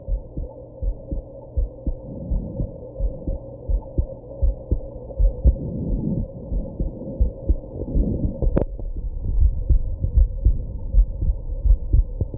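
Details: Heartbeat after drinking alcohol and smoking, with hiccups: steady muffled heartbeat at roughly 80 a minute under a low hum, with a sharp click mid-clip that may be a hiccup; heartbeat with hiccups.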